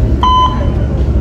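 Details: Brief steady electronic tone over loud low room rumble: a Nihon Kohden defibrillator charging during a hospital training demonstration of defibrillator use, with energy selected before shock delivery.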